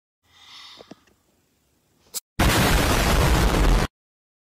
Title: How women and men sneeze 🤧